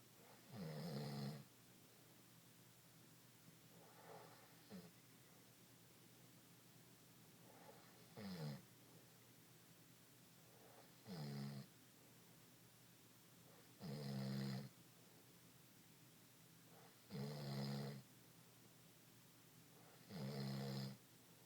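Rhythmic low rattling snores, about seven in twenty seconds, from an adult breathing in during sleep.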